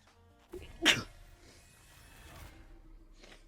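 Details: Female Twitch streamer, who suspects really bad allergies, gives a single sharp, forceful sneeze with a brief in-breath before it, then quiet room noise; a normal sneeze.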